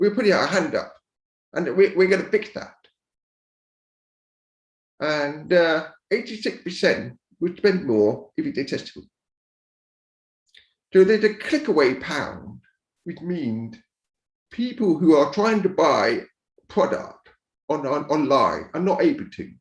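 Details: Deaf speech of a man born deaf who learned to speak rather than sign and now wears a cochlear implant after years of hearing aids; deaf speech.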